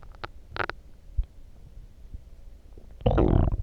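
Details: Short gurgles and squeaks, then a loud bubbling growl near the end, after drinking coffee; loud stomach growling (borborygmi).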